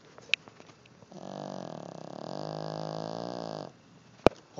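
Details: Dog in deep sleep, hard to wake: a single drawn-out, fluttering, buzzing breath of about two and a half seconds; snoring.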